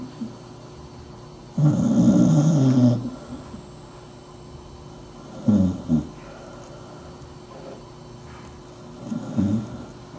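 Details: Sleeping dachshund dog lying under a desk snoring: three loud, rough, low snorts with quiet pauses between them.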